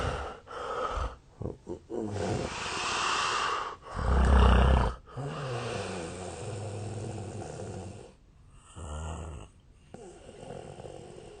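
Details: Real snoring recorded of an adult Japanese sleeper about 8 years ago, when thinner: loud, rough, low rattling snores with snorting breaths and brief pauses; a long-standing sleep disorder is suspected.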